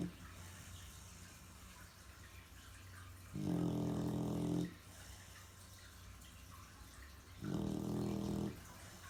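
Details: Two long, low rumbling snores about four seconds apart over steady room hum; loud snoring, the snorer not who the recorder expected.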